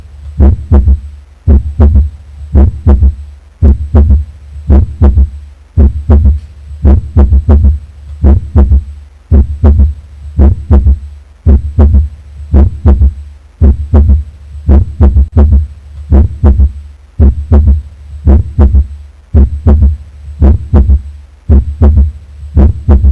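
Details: Auscultation over the back: a regular, slow heartbeat of about 56 per minute with an extra low thud after the second sound; a third heart sound (S3) gallop.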